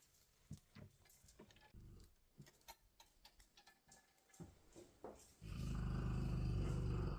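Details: Sleeping large Cane Corso dog: quiet rustles and soft thumps, then a loud, deep, rattling snore; snoring.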